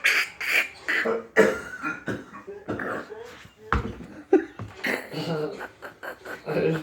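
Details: A roommate on his medications, while eating cereal, gives a run of odd, abrupt, voiced cough-like bursts with throaty, almost vocal sounds between them: an unusual cough.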